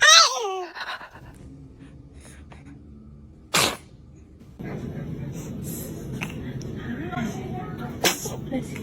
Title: Baby sneezing #funny #funnybaby #baby #cutebaby